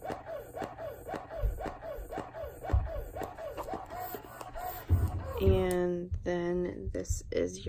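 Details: Rhythmic soft whooshing pump cycles, about two a second, then a voice and laughter; an electric breast pump running without tubing attached, one of five compared (Freemie Liberty, Spectra S1, Motif Duo, Baby Buddha, Medela).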